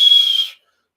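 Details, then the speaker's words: Brief, steady high-pitched whistle fading out, like a hot tea kettle, over a hemodialysis access; whistling means the access may be narrowing, not wide open, and may need maintenance. "something like that like a hot tea kettle your access may need maintenance that means it may be starting to narrow and so that's what you're hearing"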